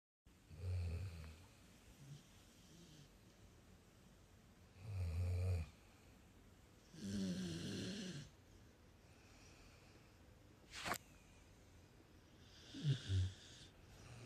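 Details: Dog softly snoring while asleep on a bed beside a girl lying with it: deep, rumbling snores roughly every four seconds, about 14 breaths a minute, with a faint click between breaths.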